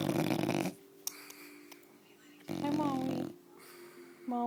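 Two snorting, rattling snores with soft noise between them: snoring in a sleeping bulldog.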